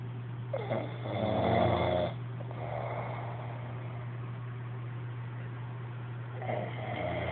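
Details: A low, rattling snore on a breath in, then quieter breathing and the start of another snore over steady room hum; snoring.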